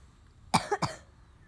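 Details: Dog coughing: two short, sharp cough bursts in a quiet room.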